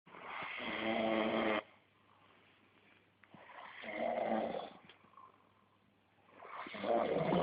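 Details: Sleeping person snoring: loud rattling snores on each breath, about three seconds apart, with quiet pauses between them.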